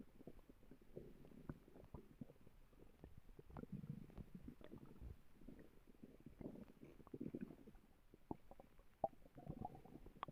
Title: My stomach growling